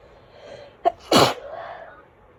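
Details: Single sneeze in autumn: a quick in-breath catch followed by one forceful sneeze, then quiet.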